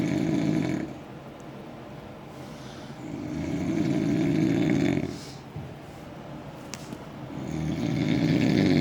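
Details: Loud, deep, rumbling snores on each breath, about three cycles with quieter pauses, roughly 20 breaths a minute; super loud snoring.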